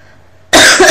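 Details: Adult woman coming down with a cold, with a hoarse voice: a single loud, harsh cough after near silence.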